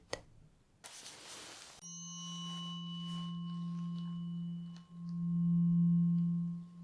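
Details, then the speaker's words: Tuning fork in a role-play ASMR hearing test by an audiologist, moved away to the side until no longer heard: steady pure ringing hum that fades and swells as it moves. "I am going to move this tuning fork away from us to the side and I would just like you to tell me when you can no longer hear it"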